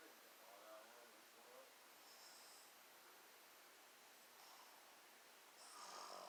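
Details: Daytime snoring at 1:30 in the afternoon, described as old men snoring: soft, rough breathing noises repeat in a steady rhythm against a loud hiss of room noise, typical of snoring in sleep.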